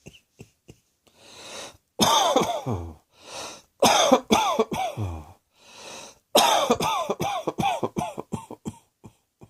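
Repeated bouts of harsh coughing with noisy in-breaths between them, about fifteen coughs in three clusters.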